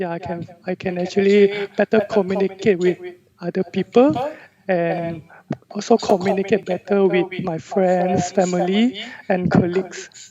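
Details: 34-year-old male with a high-pitched, female-sounding, very soft voice since puberty (age 11-12), lasting 20-22 years; therapist attributes it to vibrating only the thin edges of normal vocal cords; recorded before voice therapy; puberphonia.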